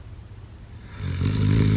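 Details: A single deep, vibrating snore during sleep, building over about a second; snoring.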